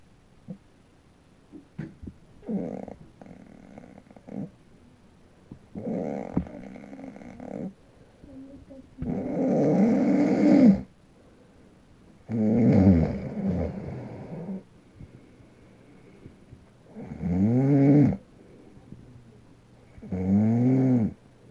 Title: Dec. 29, 2016 baby moving while daddy snoring.